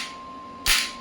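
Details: Electromagnetic shockwave therapy device, clinical horizontal model, applied to the demonstrator's own small joint at 1 Hz, energy raised stepwise to about 45–55: one sharp, loud crack over a steady electronic tone, a single applicator pulse.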